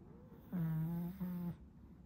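A loud, low, buzzing snore in two pulses from a sleeping puppy.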